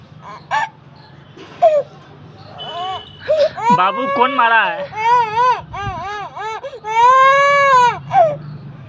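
A newborn cries in short rising and falling wails that build to a long sustained cry, with brief catches of breath between them.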